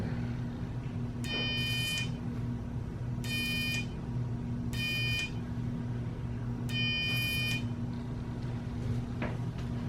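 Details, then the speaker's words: Electrocautery unit during removal of a suspected lipoma from the head, sealing small oozing blood vessels; four short bursts of high buzzing beep over steady room hum. "A little buzzing noise you're gonna hear, just a cautery that stops little blood vessels from oozing."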